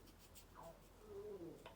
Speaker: oh, can you hear my tummy?